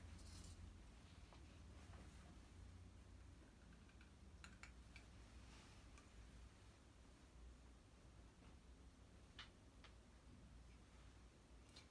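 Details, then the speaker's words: Diaphragm of a stethoscope over an adult woman's right lower abdominal quadrant: soft hum with scattered brief clicks and gurgles; normal active bowel sounds, neither hyperactive nor absent. "dough has active bowel sounds and the right lower quadrant now I will work my way to the right upper quadrant they are also active"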